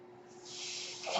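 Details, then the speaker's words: A person who uses a mechanical ventilator is recorded while speaking: a rising, breathy hiss of air over a faint steady hum as the ventilator delivers a breath. "That noise you hear is my ventilator, and thank you for tuning in to Page Turners They Were Not, my Star Wars podcast."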